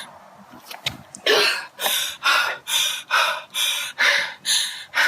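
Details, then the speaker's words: Young athlete at the end of a vigorous exercise bout, struggling, breathless and distressed: rapid, loud, harsh noisy breaths from upper-airway turbulence, inspiratory stridor of exercise-induced laryngeal obstruction (exercise VCD). "And actually, that noise is arising from turbulence in the upper airway. The upper airway closing in a condition called exercise-induced laryngeal obstruction, sometimes known as exercise BCD."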